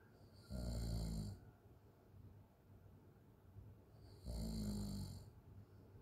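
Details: Open-mouth snoring: two low, rattling snores a few seconds apart with an airy hiss over quiet room noise.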